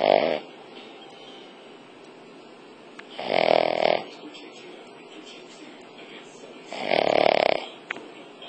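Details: Pet dog (a "Cavvy") snoring in sleep, snoring described as exceptionally loud: loud, rattling snores about every three and a half seconds with quiet pauses between; snoring.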